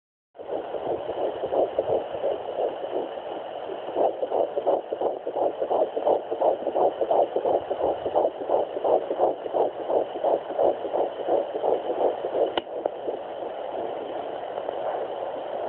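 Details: Twin fetal heartbeats at 10 weeks 3 days via Sonoline B handheld fetal Doppler near the pelvic bone: rapid, regular whooshing pulses near 170 beats a minute over steady hiss, hard to locate.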